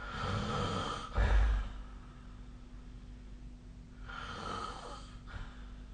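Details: Two low, breathy snores with a brief snort over steady room noise; snoring during sleep.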